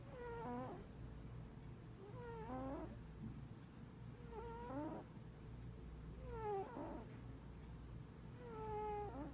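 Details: Snoring in a giant mixed Maine Coon tuxedo cat: a whistling, tonal snore with each breath, about 28 breaths a minute, over a low steady hum.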